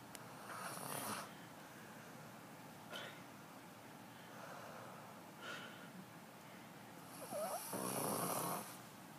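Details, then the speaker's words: A sleeping child gives loud, rough snoring, with several noisy breaths a few seconds apart, and is then woken and told the snoring was really loud. "You were snoring really loud."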